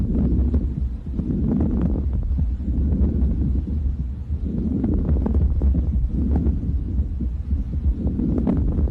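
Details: Teaching auscultation example of coarse crackles (subcrepitant rales) via stethoscope: low, rumbling breath sounds with bursts of coarse bubbling crackles through inspiration and expiration.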